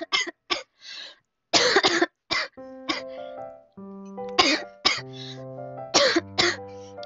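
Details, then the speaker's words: Girl coughing during a live stream, after singing practice; she apologizes for coughing so much after going live for the first time in a while. "아니 오랜만에 방송 켰는데 이렇게 콜록콜록 해도 되는 거냐고 아 미안하네"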